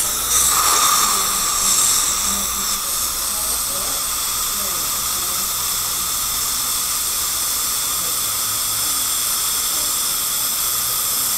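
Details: Root canal on a crowned front tooth with a dead nerve and a large jaw-bone abscess: continuous high-pitched whine with steady hiss, a dental drill running.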